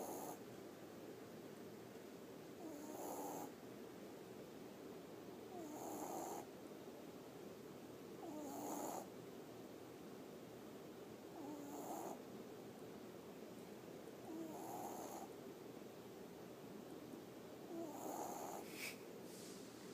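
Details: Sleeping chihuahua with regular soft snoring breaths about 20 per minute, each inhalation with a faint snort, over a steady hiss; snoring.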